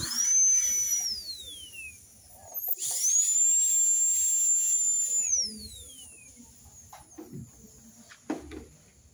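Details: High-speed dental handpiece with an extra-fine bur smoothing a minimally invasive contact-lens-type veneer preparation, with the labial surface barely touched: a high-pitched whine running in bursts, with small-room background noise.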